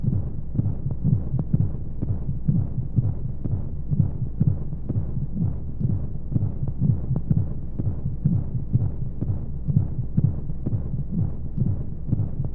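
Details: Womb-sound sleep aid for babies: regular muffled low heartbeat thumps over a soft rushing white-noise hum of flowing sounds, a womb-like heartbeat.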